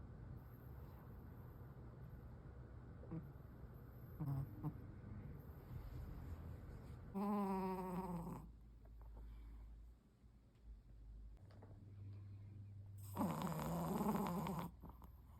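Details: Dog sleeping after its bath: low rumbling breathing with two loud, drawn-out whining snore sounds; snoring.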